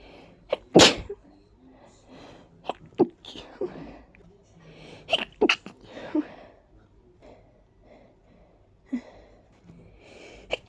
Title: Just a few tickling sneezes 🤧